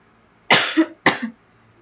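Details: Two short, harsh coughs in a quiet room from a sick adult with a sore throat who was coughing throughout the recording.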